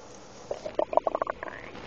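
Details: Adult woman's stomach noise: brief bubbling, gurgling run of low pops over a hissy background; ordinary stomach rumbling.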